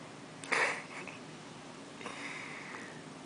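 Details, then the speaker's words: Two brief, sharp catching breath sounds about a second and a half apart with quiet room noise between them: a newborn boy's hiccups in hospital after feeding. "got the hiccups."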